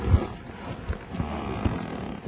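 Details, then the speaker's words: Snoring from a tranquilized wild doe of about 130 lb after trapping for tracking-device processing in New York: low, rough rumbling snorts recur through her breathing, with faint outdoor background noise. "Listen, you can hear the doe snoring."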